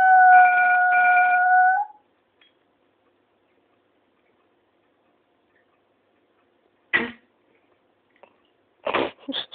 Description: this is my dog, Penny howling and then she gets a cough LOL